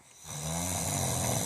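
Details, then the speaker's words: Loud snoring from a man at 2:00 in the morning, keeping others awake. "we are sitting here and can't sleep because daddy is snoring so loud"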